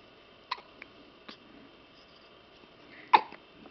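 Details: Hiccups: two sharp, abrupt catches with a few fainter clicks in a quiet room, with someone talking to him.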